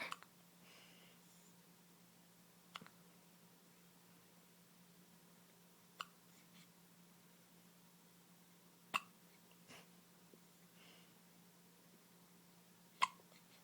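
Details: Infant girl's hiccups: soft, sharp little hiccup clicks roughly every three seconds in a quiet room, baby looking upset, then falling asleep.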